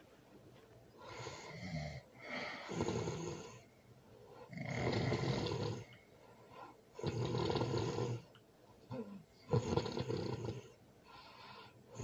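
Loud, harsh, rumbling snores repeating every few seconds, some with a snorting catch, against a quiet room.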